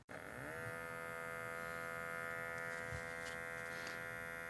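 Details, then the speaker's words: Omron upper-arm blood pressure monitor pump inflating the cuff during simultaneous measurement with a silent wrist monitor, adult with mild stage 1 hypertension: steady electric motor whine rising in pitch as pressure builds. "So both are actually pumping at the same time."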